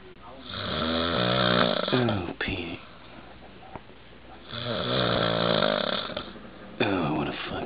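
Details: Loud, rough, rattling snores on each in-breath, two cycles about five seconds apart, with quiet breathing between; ordinary snoring.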